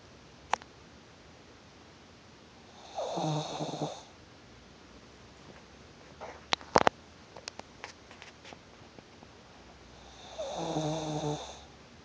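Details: Snoring: two snores on in-breaths about eight seconds apart, with faint clicks and rustling between; ordinary snoring.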